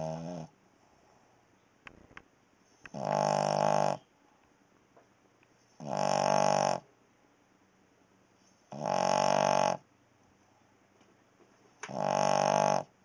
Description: Our Cavelier King Charles Spaniel snores like this all night long.